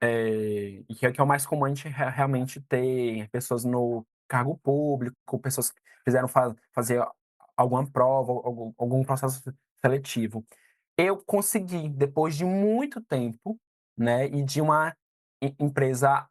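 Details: 22-year-old man who stutters; stuttering.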